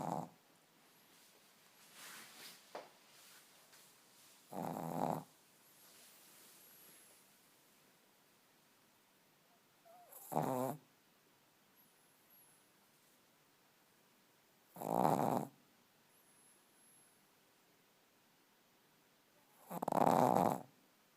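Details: Sleeping dog snoring loudly: short, snorting snores about every five seconds in a quiet room, roughly 12 breaths a minute.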